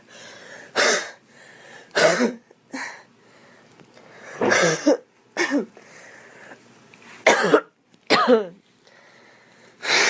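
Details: Young female coughing: about eight short, dry coughs at uneven intervals with audible breaths between, deliberately performed rather than from illness.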